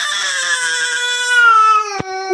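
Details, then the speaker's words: Young boy crying for a long time because his father went to bathe: loud, sustained high-pitched wail with a clear voice, then a catch of breath; ordinary emotional crying. "কান্না করতে হবে না"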